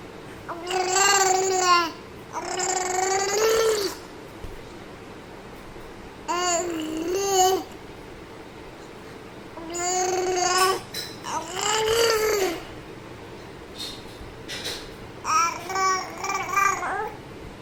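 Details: A 5-month-old baby makes drawn-out vowel coos and gurgles with rising and falling pitch: normal infant babbling.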